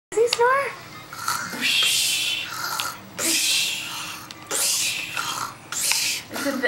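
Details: A child's brief voiced sound, then four loud, raspy, hissing breath bursts as she imitates how her father snores, in a small room at breakfast.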